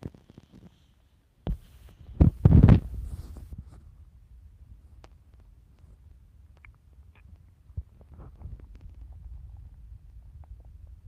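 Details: Stomach growling while hungry and looking forward to eating a cookie: a few low gurgling rumbles and bursts over a quiet background.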